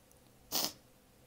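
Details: Person deliberately stifling sneezes among apologies, some held back or swallowed: one brief, soft, airy burst in a quiet room, a single stifled sneeze.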